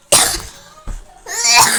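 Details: A child who has an ongoing cough, coughing three dry, harsh coughs in quick succession within two seconds during a recording session; they mention feeling very cold.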